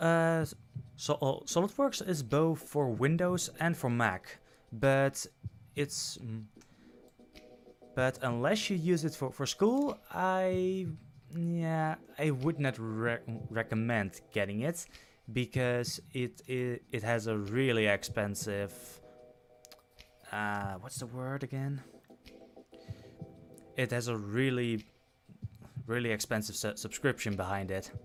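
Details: Adult male who self-reports stuttering, with repeated words and phrases; stuttering.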